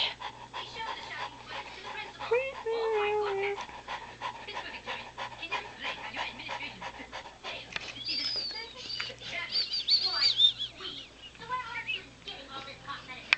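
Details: 6-month-old female Saint Bernard puppy during a deep nap: rapid, shallow, breathy puffs at roughly 170 a minute with occasional soft whines and background noise; puppy panting.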